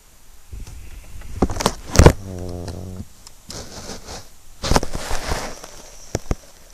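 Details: 12-year-old Yorkshire terrier asleep and dreaming; low, buzzy, rattling breath amid rustling and shuffling, typical of snoring during sleep.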